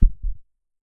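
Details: A heartbeat sound used as an audio stimulus in an empathy study that paired fast or slow heartbeats with images of eyes: one deep, muffled two-part beat, a low thump followed by a softer second thump.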